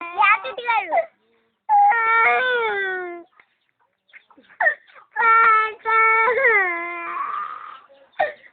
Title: Child crying